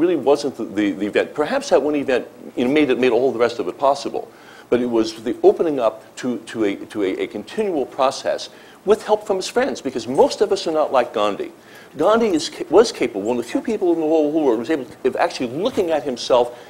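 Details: Adult man speaking; normal voice.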